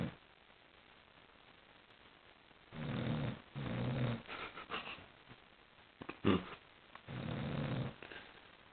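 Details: Sleeping dog snoring: loud, rattling snores on each breath, with a brief snort between them; about three snoring breaths.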